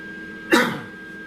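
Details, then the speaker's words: Adult man with a chronic cough from respiratory issues, coughing while welding despite wearing a mask against welding fumes and smoke. "you'll hear it a lot i have a chronic cough because of the respiratory issues"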